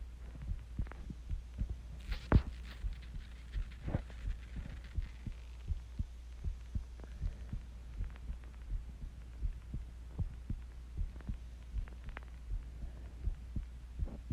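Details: Own heartbeat recorded while sick with the flu: regular thumps at about 80 beats a minute over a steady low hum; heartbeat.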